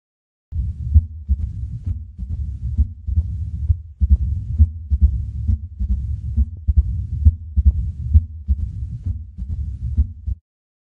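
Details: Mitral stenosis: a low-pitched heartbeat near 67 beats per minute with a rumbling murmur between beats.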